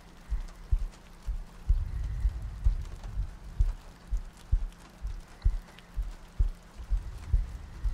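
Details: ASMR sleep-aid recording, not a clinical one: soft low heartbeat thumps at about 64 a minute with soft breathing over rain ambience.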